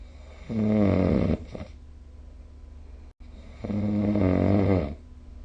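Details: Snoring recorded with the SnoreLab phone app: two loud, buzzing snores on breathing in, a few seconds apart, over quiet room noise.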